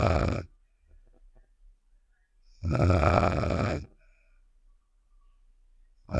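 Two deep, rough snores with quiet breathing between, from a cartoon sound effect. Snoring.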